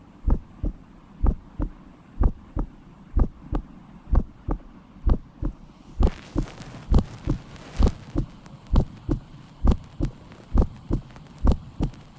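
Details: Auscultation of a healthy 16-year-old girl's heart: steady lub-dub at about 63 beats a minute, clear first and second sounds, no extra noises; normal heart sounds.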